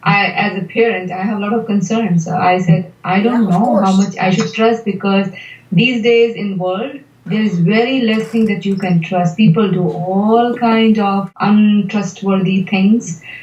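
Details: Adult woman speaking; typical speech.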